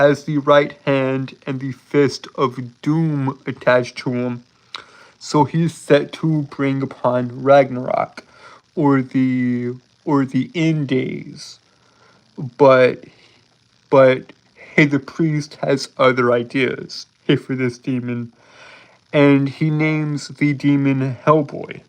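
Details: Adult man with a speech impediment present since birth, who says he holds syllables rather than repeating sounds; stuttering (prolongations and blocks).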